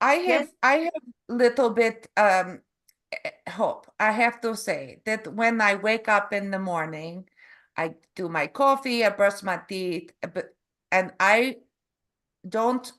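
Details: Canadian adult woman from Calgary; stroke November 2023 causing aphasia with word-finding difficulty and apraxia of speech; foreign accent syndrome began after a further hospital episode in February, self-described as Eastern European; foreign accent syndrome with aphasia and apraxia of speech.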